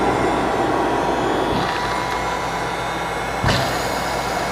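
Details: Cough assist machine running in automatic mode for a father with a tracheostomy cannula, used when secretion noise is heard in the trachea; five cycles per his doctor. Steady loud blowing motor noise with a brief airflow shift.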